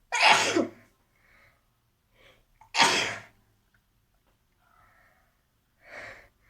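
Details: Two loud, explosive sneezes, possibly acted, for a sneezing challenge by a female speaker, with short breathy sounds between them and a softer sniff or nose blow at the end.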